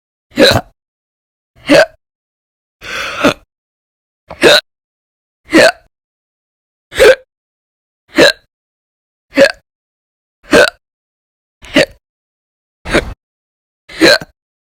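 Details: Twelve abrupt, sharp hiccups at a fairly steady pace of about 50 per minute, with silence between them; a run of repeated hiccups.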